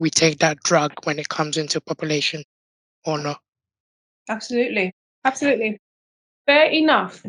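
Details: Tracheostomy voice in an adult man born six months premature with undeveloped airways. He had emergency surgery at birth, spent two years in an incubator and has lived with a tracheostomy tube; prematurity heavily impacted his vocal cords.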